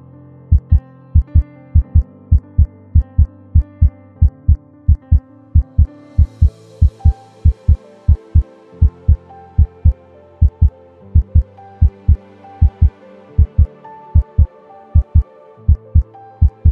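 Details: Contactless radar recording of steady paired lub-dub heart sounds at about 80 beats a minute; normal heart sounds.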